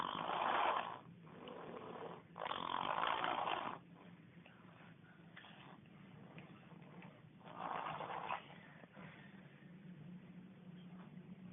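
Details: Very loud snoring during sleep, with loud, harsh fluttering breaths on inhalation about every three to four seconds and quieter breathing between.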